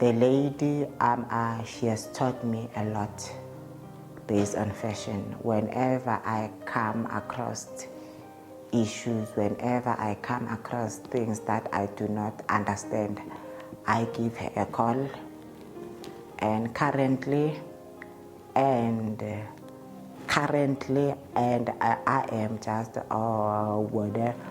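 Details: Adult man's real interview speech; he states he stutters, present since at least grade five (2005), when it caused low self-esteem; he also reports an unspecified positive test and initially delaying medication; stuttering.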